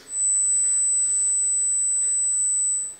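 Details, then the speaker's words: Tinnitus frequency-matching test tone played in an audiology assessment, a steady very high-pitched whistle over soft hiss; the patient stops the examiner when the sound matches their tinnitus. "donc je vous présente et à droite des sons et vous m'arrêtez le cancre et un est sombre semble souffler voici le premier"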